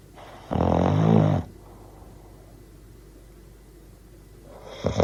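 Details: Bull terrier dog snoring: a loud, rough snore on an in-breath, then quiet, with the start of another at the end; sound effect recording.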